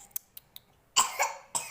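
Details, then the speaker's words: Young girl with a cold and cough, unwell since morning, busy playing with toys: a couple of short, hoarse coughs after a few faint clicks. "बेटा खांसी हो गई है ना तो guys स्थानीय आपने खेलने में बिजी और खांसी भी हो रही है"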